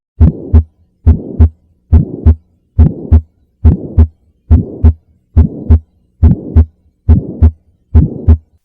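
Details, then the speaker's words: Child with pulmonic stenosis, heard at the left sternal border over the pulmonic area: regular heartbeat near 70 a minute with a harsh murmur filling systole between the two heart sounds. "a systolic murmur at the pulmonic area a superior area systolic murmur superior position pulmonic area systolic murmurs are superiorly stenotic so pulmonic stenosis"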